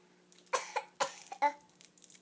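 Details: Three or four short, sharp cough bursts from a child, described as a bad cough, with a faint steady room hum.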